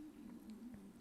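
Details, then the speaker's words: Adult man's stomach rumbling (borborygmi) during a recorded film review: quiet, wavering low gurgle and growl throughout, no speech. "yeah if you can hear my stomach rumbling it's that's it it's my stomach rumbling"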